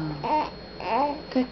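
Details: Baby girl being burped: short whimpering, fussy vocal sounds in a quiet room; mild infant cry.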